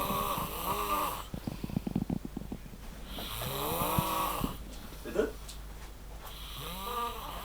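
Loud drawn-out snoring breaths with rattling noises between them and some background noise; heavy snoring.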